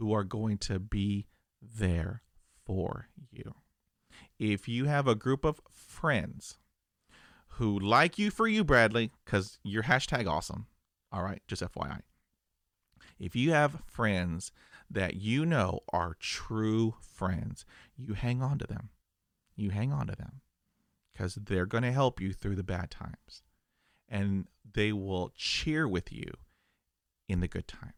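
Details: Adult who stutters, real stuttering.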